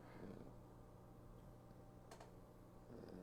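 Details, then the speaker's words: Sleeping dog named Louie: steady low, fluttering rumble with a brief click partway through, ordinary snoring. "he's snoring listen you can hear him snore"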